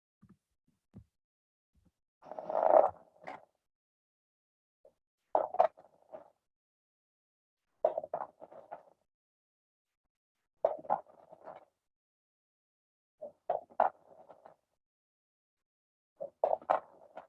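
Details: Fine crackles: fine sounds from mobilized exudate, heard at the end of inspiration and associated with pneumonia.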